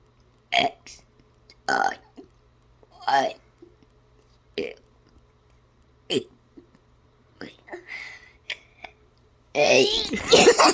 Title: Burping ABC's #abc #burping #abcsong #kids #silly